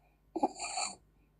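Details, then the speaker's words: Inspiratory stridor (inspiratory dyspnea) as a complication after laryngospasm during anesthesia, from recurrent laryngospasm or subglottic edema: a single harsh, high-pitched whistling breath drawn in under a second. "Alors, il y a deux types de complications. Écoutez bien. Ça, c'est la disnée inspiratoire."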